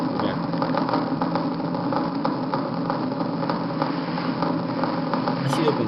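Steady crackle of small regular clicks and pops over a low electrical hum, like rain on a tin roof: fibrillation potentials and positive sharp waves.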